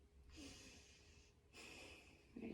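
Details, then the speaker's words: Female patient's lung auscultation during a nursing physical exam, taking deep breaths: smooth steady airflow, clear normal breath sounds, no adventitious sounds, breathing without accessory muscle use. "so her bread sounds were clear there was no adventitious sounds uh noted and she breathes normally with no use of her accessory muscles"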